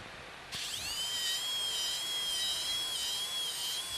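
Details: Surgical drill whine starting suddenly, rising in pitch, then steady with slight wavering under load; drilling bone during a Draf III frontal sinus approach (outside-inside technique, medial to lateral) on a cadaver.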